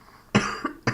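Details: Two short, harsh cough bursts in a small room from a speaker who says he is ill.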